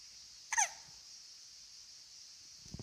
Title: Hiccups July 18 2016